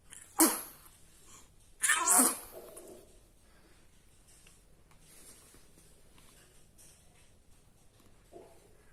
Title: cute adorable baby's sneezeing 🤧 😘 | cute small baby's funny baby video 😂 | #shorts #babylovers 👶